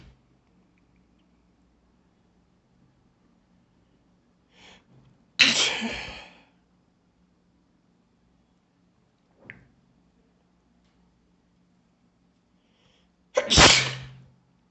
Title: strong sneeze